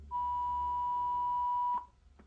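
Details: AED Plus Trainer 2 in a classroom CPR scenario with pads on a training patient: after "shock advised" and pressing the flashing shock button, a single steady high beep over a second, then a short click; shock delivered.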